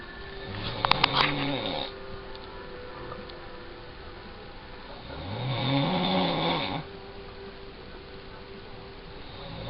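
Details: Father moving in his sleep while snoring: two long, rough, rattling inspiratory snores with quiet room noise between them; ordinary snoring.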